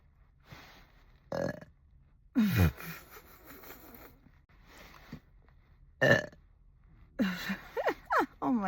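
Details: Repeated burping after drinking only coffee, no carbonated drinks: a run of about six loud, deep burps, some long and rumbling, separated by short pauses and breaths.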